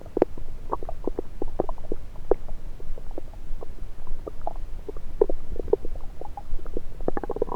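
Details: Normal active bowel sounds, heard through a stethoscope placed on multiple parts of the abdomen during a self-recorded session: frequent short gurgles and bubbling pops.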